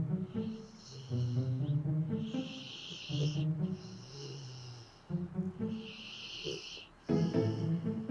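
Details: Labrador dog snoring while asleep and dreaming: rough, whistling breaths about every two seconds, with background music.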